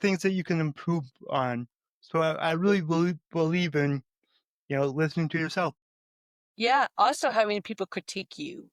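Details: Adult male with a speech impediment who says he stutters, more so when talking with his mother than with most people; stuttering.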